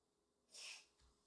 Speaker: my dog is sneezing as you can hear him you good man you good